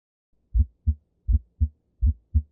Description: This is the sound of a split S1 heart sound. This heart sound is usually a normal finding in most people but can be heart in people with a right bundle branch block.